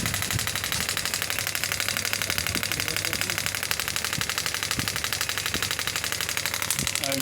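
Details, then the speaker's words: Rapid, regular mechanical tapping, about 4 pulses a second, with a rattling buzz: a pneumatic radial shockwave handpiece firing at frequency 12, starting at 3 bar energy, then raised to 10 bar. "the device is ready when I will press the save it will start giving shock you can see it's three bar energy"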